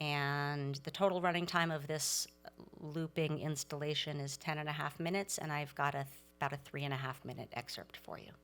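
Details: Adult speaker; normal speech.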